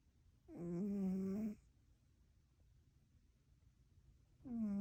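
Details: One-eared cat asleep: two loud, buzzing, tonal snores separated by a silent pause in a quiet room; snoring.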